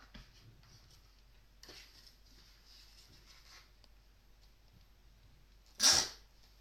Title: Is reading make you sneeze?